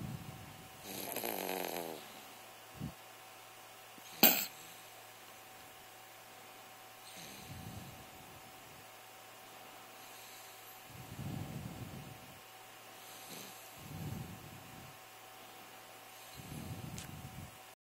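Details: Someone co-sleeping: soft, low snores roughly every three seconds, about 18 a minute, with one brief snort early on; snoring during sleep.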